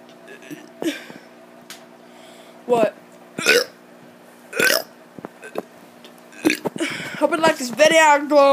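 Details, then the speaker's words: Child doing several loud, voluntary burps on purpose, separated by pauses, with a little speech near the end; burping. "what is up i'm gonna be doing a burp video finally finally"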